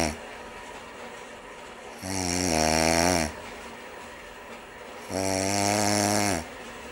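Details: Two long, deep, buzzing snores about three seconds apart over a steady background hum; typical snoring during sleep.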